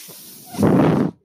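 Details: The speaker's own mechanical ventilator, heard while he talks on a podcast: a soft, steady background hum, then a half-second rush of airy hiss as it cycles a breath.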